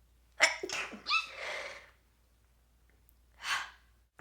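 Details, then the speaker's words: Young woman: sharp inhaled build-up, loud explosive sneeze with trailing exhale, then a quieter breath or sniff. "my gosh guys this sneeze I'm getting sick that's what it is from the cold weather I'm getting pneumonia"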